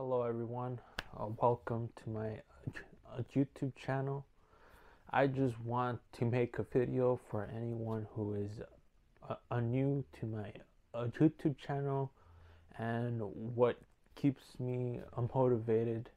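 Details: Male speaker with stuttering that he says sometimes gets severe and worsens when he feels uneasy; stuttering.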